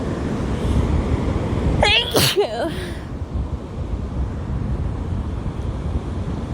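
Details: A woman sneezes at the beach, with waves crashing in the background.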